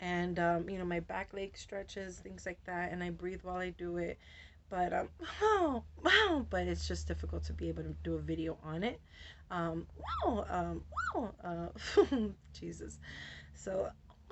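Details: Adult woman with Tourette syndrome whose vocal tics, interjections ("wow", "whoa") and repeated words, interrupt her speech; she says her tics have been very active since a change of medication; vocal tics (Tourette syndrome).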